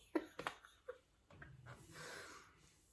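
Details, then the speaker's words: Snoring from a sleeping pet dog lying beside the speaker in a quiet room: a few soft clicks, then a low, rough rumbling inhale and breathy exhale. "i'm sorry you'll hear him he's snoring again beside me because he sleeps 24 hours a"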